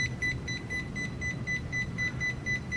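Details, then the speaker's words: Rapid, regular high beeps at about four per second over room hum from a defibrillator in monitor mode, sounding each beat of a simulated 240 bpm ECG from a defibrillator analyzer during frequency response testing. "and bumped it up to 240. 240 on the analyzer 240 on the display"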